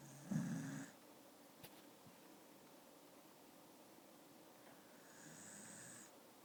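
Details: A dog snoring in a quiet room, with a rattling, rumbling inhalation then a softer breath about five seconds later, roughly twelve breaths a minute: snoring.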